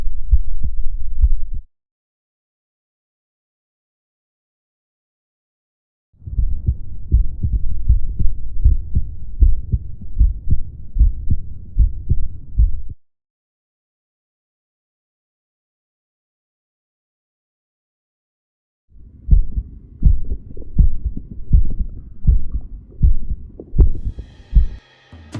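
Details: Regular low heart thumps at about 80 a minute, the normal first and second heart sounds of a healthy adult, self-recorded through a DIY electronic stethoscope made from a stethoscope head with a microphone.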